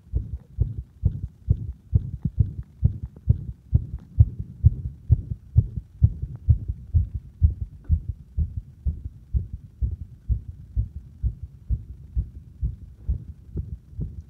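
Regular low thumping heartbeat, about 130 beats a minute, heard at the apex with firm stethoscope pressure; normal heart sounds.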